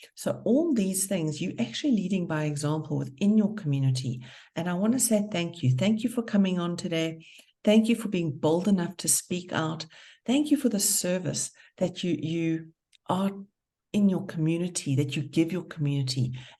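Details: Adult woman speaking; ordinary speech.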